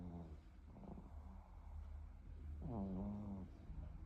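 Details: Snoring in a sleeping pet: low rumbling, vibrating breath noises with a louder snorting groan in a quiet room.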